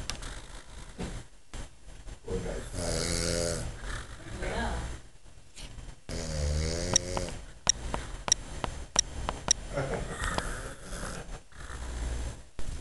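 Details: Loud, rough, buzzing snoring breaths repeating with pauses between them, sharp clicks in the room background; snoring.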